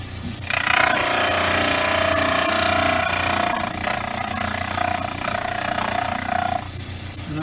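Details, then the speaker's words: Steady loud grinding whine, rising and falling with pressure, as a wet model trimmer wheel angles the back sides of a poured upper stone dental study model. "okay we got our sides done now there's going to be a little angle on both sides of the back to get rid of this stuff sticking"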